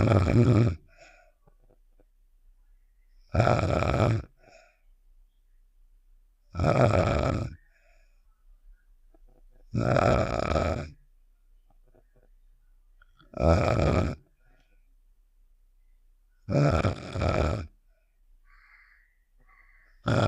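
Regular rumbling snores, about 18 a minute, with quiet pauses between, from a cartoon sound effect.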